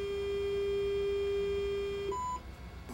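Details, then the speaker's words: Omnisense 8000S ultrasound bone sonometer calibration on a phantom: steady pure tone of the third measurement cycle ends, followed by a brief higher beep marking cycle completion; the result button then becomes active. "I'm going to hit the foot pedal again and we're going through the third cycle and hopefully this will be enough for the unit to get an appropriate measurement"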